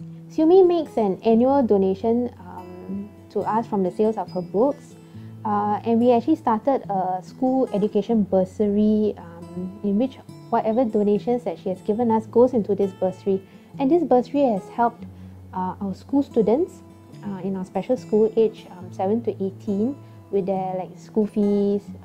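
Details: Adult speaker; normal speech.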